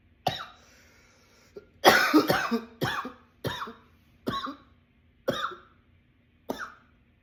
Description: here is a runaway coughing attack i was having.